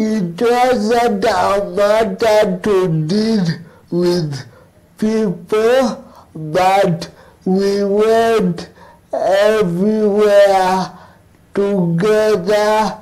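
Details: Adult male cerebral palsy advocate living with cerebral palsy, interviewed remotely; dysarthria (cerebral palsy).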